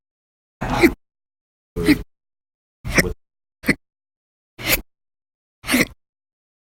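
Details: Short, sharp hiccups, about seven in under seven seconds with silence between, from a person with persistent, violent hiccup bouts lasting hours at a time over November 1–20, 2019.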